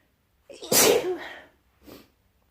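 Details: Person with a mild cold who woke in the morning with a tickle in the nose, sneezing: a single loud, forceful sneeze with a sharp burst of air, then a softer follow-up breath or sniff.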